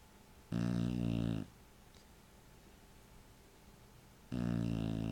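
Two loud, low, rattling noises about four seconds apart, with quiet between them; snoring.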